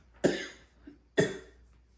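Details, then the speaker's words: ACE inhibitor-induced dry cough in an adult taking lisinopril for blood pressure, likely after a dosage increase: two short, sharp, dry coughs about a second apart; speaker says she is not sick. "Excuse me, guys. I'm not sick. It's I take a blood pressure medicine called Lisinopril, and it's one of the side effects is a cough, like a dry cough."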